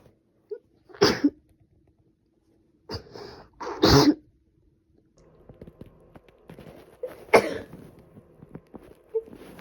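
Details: Woman with a cold, sneezing badly for about three days and now improving: three sharp sneezes, the last two close together, with quieter rustling between them.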